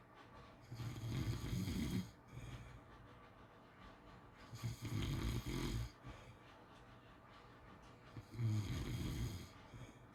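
Three quiet, rumbling snores with breathy, hissing air on each breath, at about six breaths a minute; soft sleep snoring.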